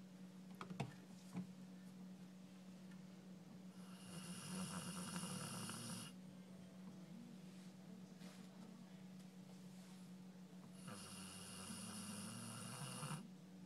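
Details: 12-year-old Golden Retriever snoring very loudly while asleep: two long, rasping, whistly snores on breaths about seven seconds apart, over a steady low hum in a quiet room.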